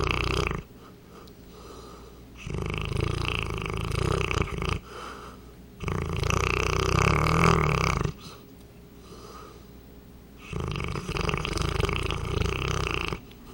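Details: Real snoring from a 200 lb St. Bernard dog: loud, rough, rattling snores with quiet gaps, about four in the clip.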